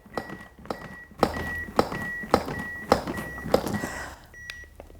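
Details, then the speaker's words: AED in an adult CPR training demonstration on a manikin, after a shock was delivered and the prompt to begin CPR: steady electronic beeps with dull chest-compression thumps at about 107 a minute. "begin cpr wonder if you can guess what those beeps are for"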